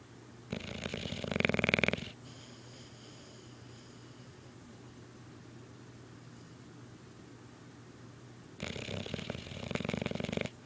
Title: Boof the Bulldog snoring